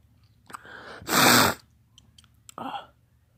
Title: Sneeze fit